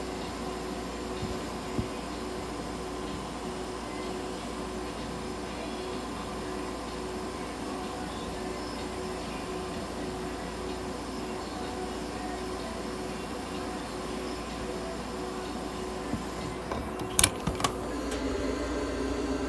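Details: Budgerigar under ICU treatment with warming, humidification and oxygen therapy, with an incubator running.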